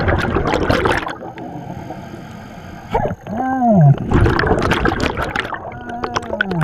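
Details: Hiccups recorded underwater by a scuba diver during dives in Belize.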